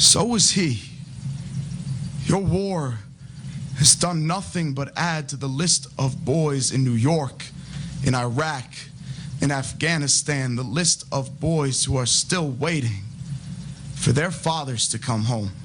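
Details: Adult man; typical speech.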